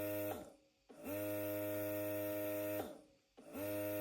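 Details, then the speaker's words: Bellababy electric breast pump run at level 9, its highest pressure level: rhythmic motor hum in long pulses with brief pauses, about two cycles in four seconds; electric breast pump running. "Okay, അത് level 9 ആയിപ്പോൾ നമ്മൾ കേൾക്കുന്നത്. Level 9 use ചെയ്യുന്നവർക്ക് ഇതാണ് ഇതിന്റെ sound."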